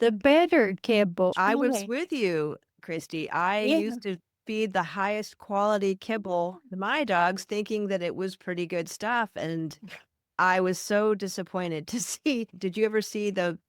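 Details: Adult woman speaking; Normal speech.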